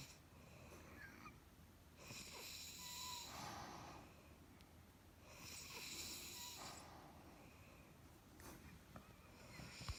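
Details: An adult woman snoring, recorded by her husband: soft, airy, rasping snores with each breath, about three in ten seconds, roughly 18 breaths a minute, in a quiet room.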